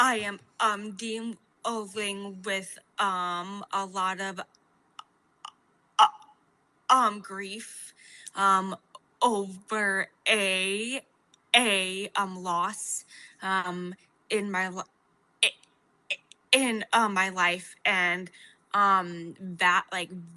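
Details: Adult woman with a stutter since age 4, a fluency disorder, with pauses and word repetition; stuttering.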